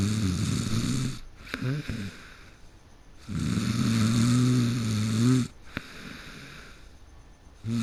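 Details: Loud snoring in a person who fell asleep mid-game: loud, rattling snores on each breath, about two in eight seconds, with brief clicks between them.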